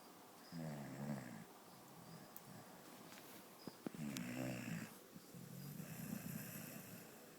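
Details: Dog snoring: three rough, buzzy low snores from a sleeping dog, each on an in-breath, separated by quieter out-breaths in a small room.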